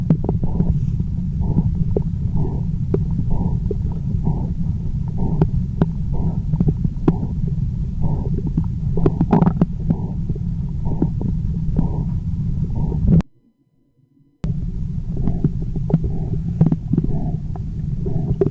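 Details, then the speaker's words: Abdominal aortic bruit heard with a stethoscope over the central abdomen: rhythmic whooshing pulses, an abnormal sound that should be auscultated, never palpated. "Like I said, the aortic bruit is an abnormal sound. So, that's an acute sound that you hear."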